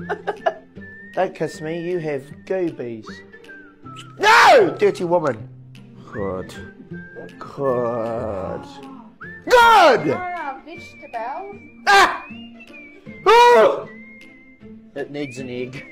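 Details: Involuntary vocal tics (exclamations and out-of-context phrases) from a man with Tourette syndrome; Tourette syndrome vocal tics.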